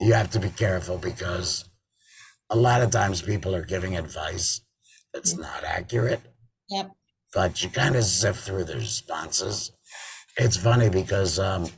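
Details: Adult man with total laryngectomy in February 2019 and a tracheoesophageal voice prosthesis since September 2019, who says prosthesis speech makes him swallow much air: tracheoesophageal speech.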